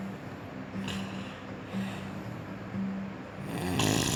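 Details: Person snoring in a hotel bed in the mountains: low rumbling snores with a steady buzzing tone, recurring through the clip, ending with a louder rattling noise.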